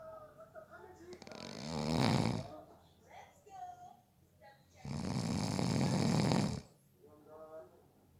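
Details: Snoring during a nap, from someone said to have fallen asleep within 30 seconds: two long, loud, rattling snores on inhaling, with quieter breathing and faint sounds between them.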